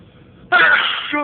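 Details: Several induced sneezes, loud and stifled; this clip is a sudden loud, hissing burst ending in a short voiced tail, heard as a single sneeze.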